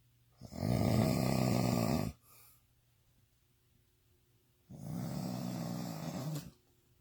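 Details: Adult, described as drunk, snoring intensely: loud, rattling inspiratory snore, a quiet pause, then a softer second snore during sleep; snoring.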